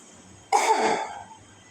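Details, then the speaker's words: Nurse demonstrating effective cough technique to a female patient: a deep breath in, then one strong acted cough to clear the airway. "Baik, tujuan saya ke sini saya akan mengajari Ibu cara batuk efektif yang benar. Yang pertama, jika Ibu mau merasa batuk, Ibu bisa tarik nafas dalam dan contohnya seperti ini ya Bu."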